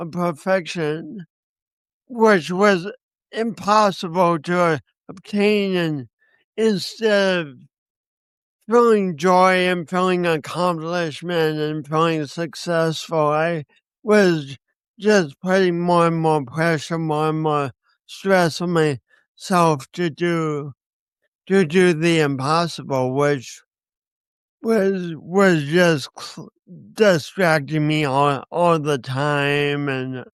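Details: Man with a speech impediment accompanied by coordination issues, which he says he has not overcome; speech impediment.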